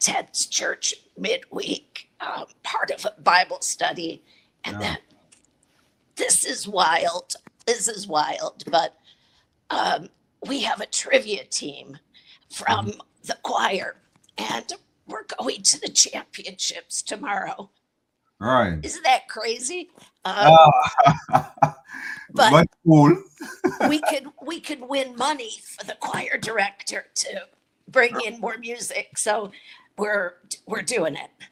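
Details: Adult woman with chronic spasmodic dysphonia that took away her singing voice, treated with Botox injected directly into the vocal cords every three months, voice cycling worse and better around each injection; real patient speaking; spasmodic dysphonia.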